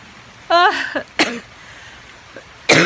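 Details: Adult with pneumonia and asthma coughs while cooking: three harsh cough bursts, the first with a voiced, strained onset.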